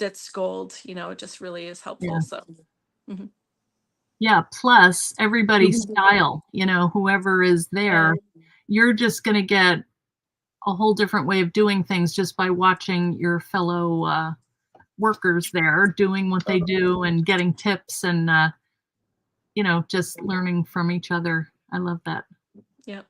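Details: Adult woman speaking; ordinary speech.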